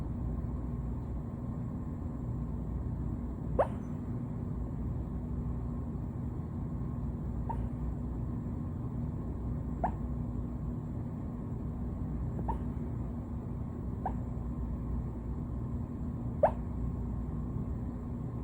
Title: Puppy Hiccups 😂 #cute #puppy #funny #hiccups